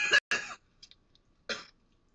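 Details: Coughs during a cannabis smoking session: two quick harsh coughs followed by a third after a short pause, with faint sounds between.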